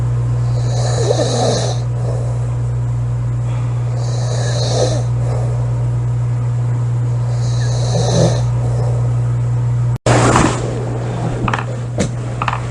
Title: Loud girl snoring July 23 2017